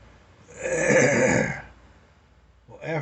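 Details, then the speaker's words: One rough, gravelly throat-clearing hawk lasting about a second, bringing up mucus after three days of coughing with a dripping sinus, sinus starting to dry up. "three days of coughing with a dripping sinus i finally got a hawker"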